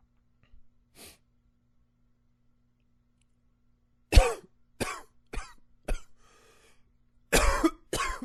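About eight sharp, harsh coughs, some in quick pairs after a quiet stretch, with a faint breath between bursts.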